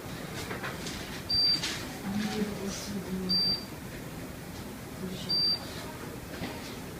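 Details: Therapeutic laser unit applied to the skin at the lateral epicondyle in a physical therapy instructional demonstration; short high beeps repeating about every two seconds over room noise during treatment.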